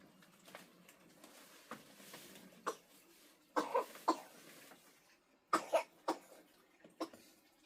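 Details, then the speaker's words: Young son with a long-lasting, persistent cough that Western medicine did not help, often crying: faint, distant coughs, some in short pairs, about 30 a minute at an irregular pace. "Glac roinnt leigheas cough, tá tú ag casacht ar feadh i bhfad."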